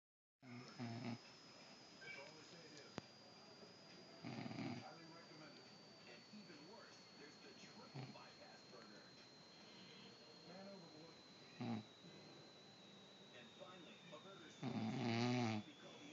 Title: Mom Snoring Part 2